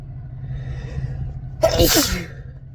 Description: induced sneezes some kinda restrained and some into tissues but mostly the normal ones